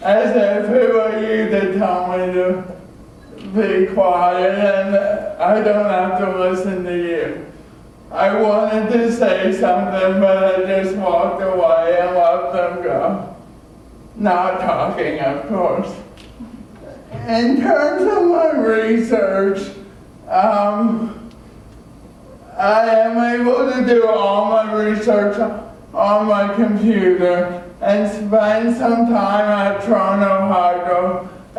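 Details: Adult male with cerebral palsy from oxygen loss at birth (umbilical cord around throat), a type involving muscle stiffness and irregular movements, noticed around age 1; had extensive speech therapy; dysarthria (cerebral palsy).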